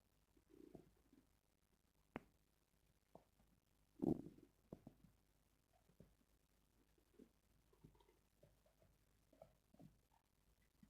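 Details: Quiet, scattered gurgles and squelches with brief louder rumbles from the belly: ordinary stomach growling (borborygmi).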